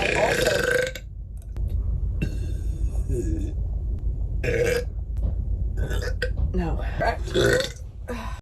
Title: Cute Girl Burping